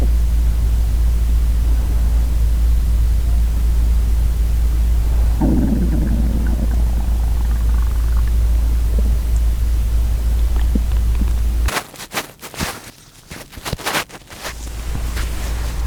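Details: Borborygmi, real hunger stomach growling from a girl: low gurgling rumble under a steady hum, then rubbing and handling noise.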